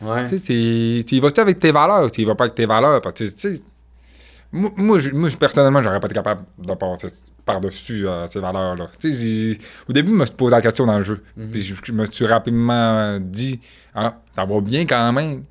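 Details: Deaf speech in a man with profound congenital deafness who wears hearing aids that only signal a sound is present, relies entirely on lip-reading, and grew up among hearing people.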